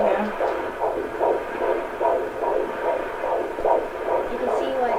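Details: Fetal heartbeat of a baby boy heard on Doppler at a doctor's office visit, possibly more than one fetus; fast, rhythmic whooshing pulses of about 145 per minute; fetal heartbeat.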